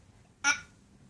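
A single abrupt, sharp voiced 'hic' from a young child, rising suddenly and fading within a fraction of a second against quiet room noise: a hiccup.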